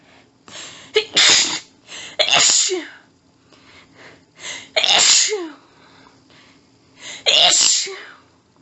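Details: A woman's intense sneezing fit after her nose was tickly all day: three forceful sneezes, each preceded by quick gasping in-breaths, with heavy panting between as she tries but fails to stifle them.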